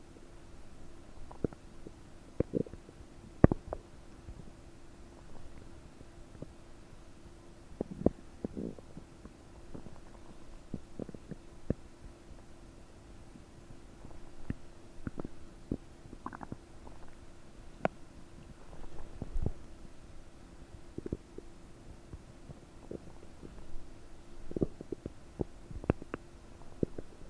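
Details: Borborygmi recorded with a desktop microphone about 9 hours after eating 30 prunes, with the belly described as bubbly and bloated: frequent gurgling, bubbling bowel sounds over a steady faint hum.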